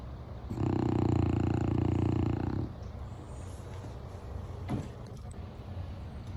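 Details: 9½-year-old Boston Terrier: one loud, low, fluttering snore of about two seconds, then quieter breathing with faint room noise; heavy snoring said to shake the walls.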